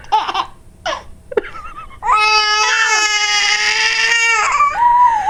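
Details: Infant twin: short vocal bursts, then a sustained, high-pitched wailing cry lasting a few seconds in a small room.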